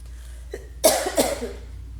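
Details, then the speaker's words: Adult woman with asthma sitting under an air vent, coughing from the blowing air: two short, sharp coughs with steady low background hum. "I'm sitting right underneath the vent and so when the air blows on me. [cough] I already have asthma. It makes me cough."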